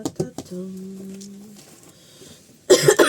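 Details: Ill, exhausted woman wrapping Christmas presents; three short cough bursts, a brief hum, then a louder cough at the end, in a quiet room: cough during illness.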